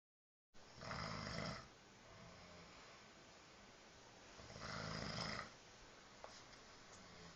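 Two long, rough, rumbling snores about four seconds apart with quiet breathing between: snoring, roughly 15 breaths a minute.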